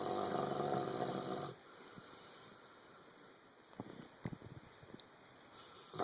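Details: Sleeping dog snoring and dreaming: a loud, rough, rattling snore at the start, then quiet breathing with soft snuffles and small sounds; snoring.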